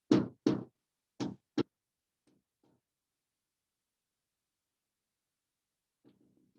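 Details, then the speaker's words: Teaching demonstration of an irregular heartbeat with pauses: paired beats come unevenly, fade, then stop for over three seconds before faint beats resume. "during that period that pause when oxygen doesn't go up to the heart patients can get very kind of weird"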